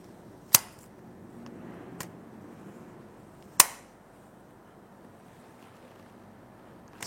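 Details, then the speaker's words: Soft mist inhaler demonstrated in an inhalation-therapy lesson: two sharp clicks as the device is twisted right and fired, with a faint hiss between them. The patient puts their mouth near the mouthpiece and inhales the released mist. "kemudian diputar lagi sekali lagi ke kanan sehingga udara akan keluar seperti tadi pada saat udara keluar pasien diminta untuk mendekatkan eh mulutnya di dekat mpiece lalu menghirupnya"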